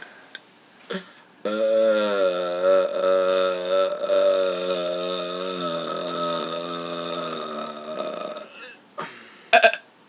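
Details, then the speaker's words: Man burping on purpose for a burp video, just after eating beans: one long, loud, rumbling burp lasting about seven seconds, with quieter sounds before and after. "yo what's up dog me and I gonna make a little burp video here"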